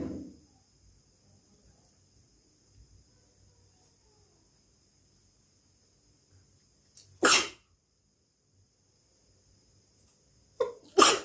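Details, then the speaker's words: Deliberately induced sneezes in a sneezing-challenge attempt: a mostly quiet stretch, then two sharp, explosive sneezes a few seconds apart: sneeze. "তো দেখি আমি কটা হাঁচি দেবো। আশা করছি এটাতে আমার হাঁচি হবে না, তবু ট্রাই করছি, দেখা যাক আমি একটাও দিতে পারি কিনা।"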